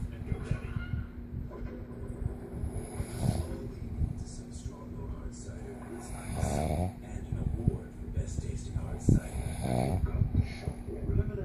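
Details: Father snoring: low, rough snoring noises repeating over a noisy background with some talk; ordinary snoring.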